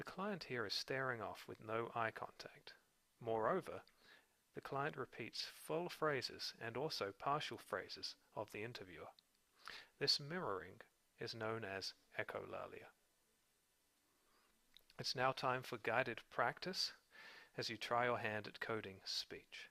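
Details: Adult male narrator; ordinary speech.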